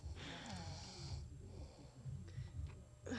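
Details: Snoring in a sleeping, drooling woman: low, rough rattling breath sounds during sleep with faint room noise.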